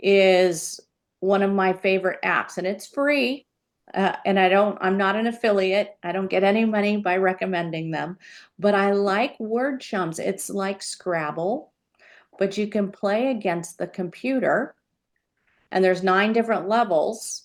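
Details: Adult woman; normal speech.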